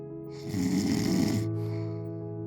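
A single harsh, rattling inhaled snore lasting about a second, heard over a steady background music tone.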